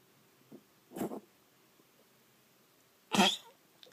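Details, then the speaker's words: Cough from a little child, with an adult asking why the child keeps coughing. "Why do you keep coughing? Why do you keep coughing?"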